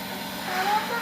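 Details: Child sick with a persistent cough, short of breath and phlegmy, inhaling through the nose while a nebulizer compressor runs with a steady hissing mechanical hum and faint tones over it to loosen the phlegm.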